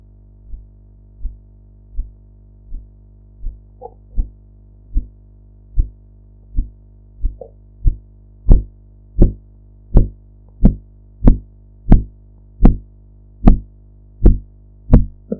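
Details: Blood pressure practice recording with sphygmomanometer: regular tapping sounds at about 90 a minute that grow sharper and louder as the cuff deflates, with some background noise: Korotkoff sounds.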